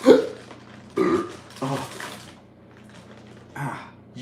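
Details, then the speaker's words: Adult man during a livestream: several short throaty bursts, a sharp hiccup and burps that he says hurt, linked to indigestion; eructation with hiccup. "hear that hiccup and that burp? That hurt. That did not feel good."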